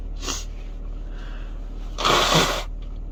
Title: More time spent in the car sneezing...